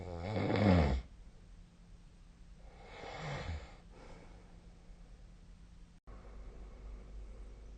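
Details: Sleep recording dated 2025/02/26. Two low, rattling snores, the first loud and the second softer, with quiet breathing and steady room hum between them. Snoring.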